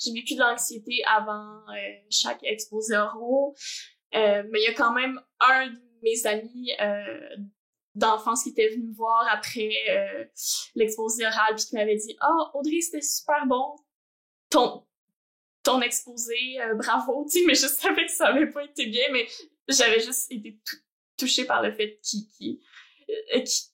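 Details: Adult woman who stutters, also has ADHD, and has undergone speech-language therapy; stuttering.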